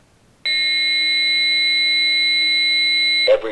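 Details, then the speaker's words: Infant CPR training with an AED using pediatric pads: the AED advises a shock and charges, then a loud continuous electronic tone of about three seconds signals the shock is ready and everyone must stand clear. "[AED speaks: Analyzing rhythm. Everyone stand clear.] Nobody's touching the baby. [AED speaks: Shock advised. Charging. Everyone stand"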